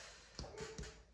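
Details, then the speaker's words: Percussion of the back at the costovertebral angle during a physical exam: three quick finger taps give a hollow, resonant note with no dullness, a normal finding. "So I don't hear any dullness. Costovertebral angle, no dullness, sounds good, nice and resonant."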